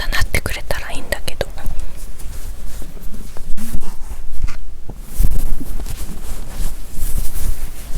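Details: Low gurgling and rumbling with a few clicks from the belly of a hungry person before lunch, the ordinary stomach growling of hunger; bowel sounds.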